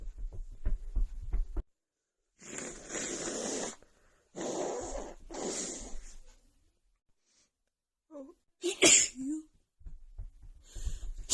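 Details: Three forceful sneezes in a row with short sniffs and gasps between, then another sneeze: a sneezing fit from a female with a bad head cold and an unbearable nasal tickle.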